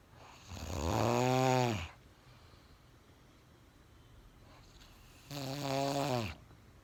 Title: No cold no stress but Magical, unethical, .. a snore as lion roar..!🤦🏻‍♂️🤣